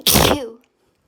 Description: Allergy rapid desperate sneezing fit! (It was insane)